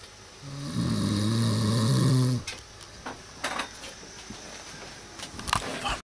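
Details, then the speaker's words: Man who says he never snores, recorded at quarter to 12 on a Thursday night: one loud, low, rumbling snore on an inward breath, then quieter breathing with small rustling sounds in a small room. "says he never snores. You are witnessing it right now."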